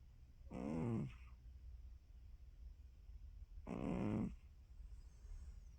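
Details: Female snoring while napping: two low, rattling, drawn-out breaths about three seconds apart over quiet room noise; snoring during sleep.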